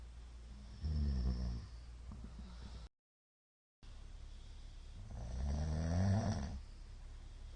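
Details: Middle-aged man asleep, recorded 2022-02-23; the recorder judges it sleep apnea from the count of shallow hypopneas. Two loud, low, rattling snores separated by quieter breathing: obstructive sleep apnea snoring.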